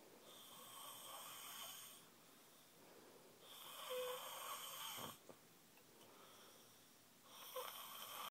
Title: Snoring his heart out